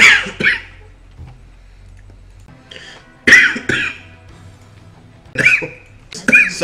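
Several short, sharp cough bursts, some in quick pairs, with quiet gaps and faint room noise between them.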